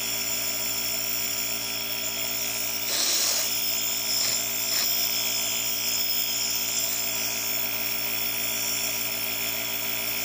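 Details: Nebulizer compressor running, delivering prescribed medication through a face mask attached to the medication cup: steady mechanical hum and buzz throughout, with a few faint knocks.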